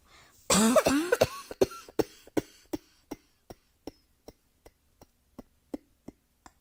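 One strong harsh cough followed by a long run of about twenty short, fading dry coughs in a quiet room.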